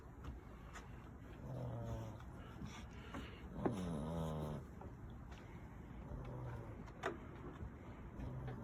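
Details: Sleeping brindle puppy, tired after exploring, snoring with soft, low, buzzy snores every few seconds and quiet breaths between them over faint room noise.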